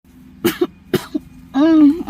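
Two short, sharp cough bursts from a child, each followed by a softer catch, then a brief voiced sound; a plain cough.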